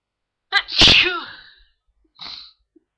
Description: only a few morning sneezes for you and a single blow